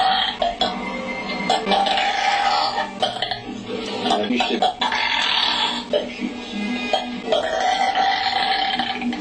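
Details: A girl's run of long, loud, voiced burps over background music: burping.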